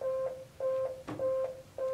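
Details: Repeating steady beeps from an AED charging before a shock, during a firefighter's demonstration on a collapsed person in cardiac arrest not breathing normally; the voice prompt says a shock is needed and it is charging, so don't touch the patient.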